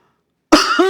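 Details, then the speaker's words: Imitated COPD cough, as in adults whose small airways collapse: after silence, a deep breath and a single violent, forceful cough burst to force air past the collapsed airways. "So this is the cough what you get in a case of COPDS where to overcome the smaller very collapse they put pressure in bringing out the cough"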